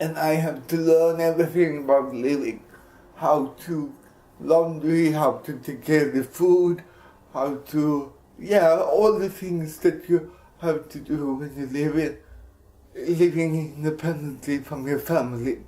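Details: Dysarthric speech in an adult Swedish man with cerebral palsy, speaking English.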